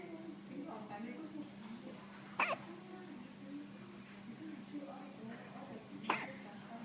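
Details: Infant hiccups: two sharp, brief hiccup catches about four seconds apart, with soft infant fussing and background voices.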